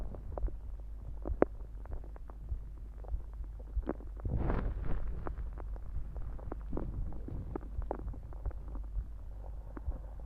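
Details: Stomach growls recorded after drinking soda, with some heartbeats also audible: low rumbling and gurgling with a louder gurgle midway, over steady low background noise; ordinary bowel sounds.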